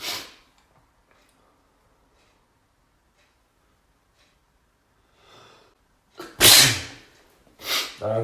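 Two loud, forceful sneezes near the end after a quiet stretch; the close of a sneezing fit.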